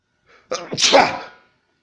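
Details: A single sharp sneeze with a brief intake of breath before the explosive burst, from a person who reports sneezing daily.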